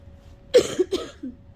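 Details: Person who has been sick, trying to cough up phlegm and unable to: two forceful, harsh cough bursts with a throaty rattle, an unproductive cough.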